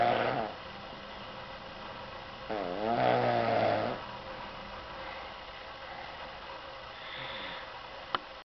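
A couple of rough, fluttering breathing noises against steady room hum; snoring.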